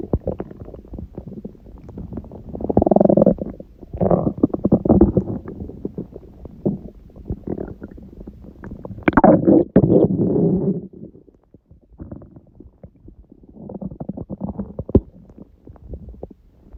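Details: Stomach growling (borborygmi) recorded at 1:30 a.m. after overeating udon at 19:30, the first gluten in a while: continuous rumbling and gurgling with louder swells and quieter stretches.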